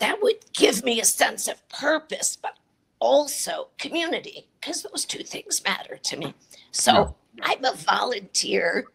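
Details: Adult woman with chronic dysphonia, a voice disorder; real patient speaking; dysphonia.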